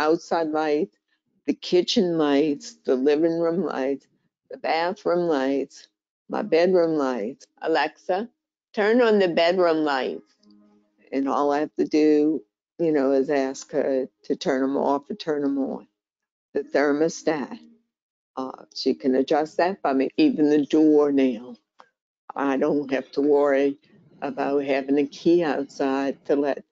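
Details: Adult woman diagnosed with primary lateral sclerosis, a slower-progressing condition closely related to ALS, with hand weakness, walking difficulty and a changed voice; dysarthria (primary lateral sclerosis).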